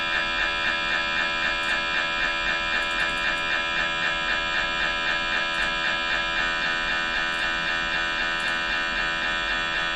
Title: MRI hangok/sounds